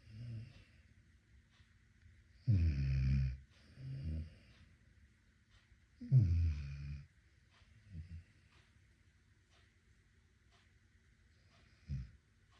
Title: Snoring dog #amstaff #amstaffpuppy #amstaffinitaly #amstafflife #cutedog #shorts #snoring